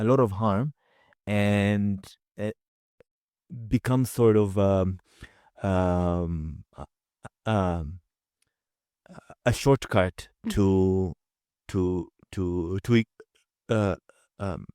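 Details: Adult man with a stutter, a real speaker rather than an acted one, heard in natural conversational speech; stuttering.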